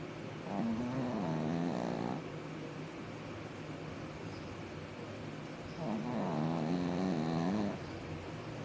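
Two long, loud vibrating snores with a quiet pause between, from a sleeping dog.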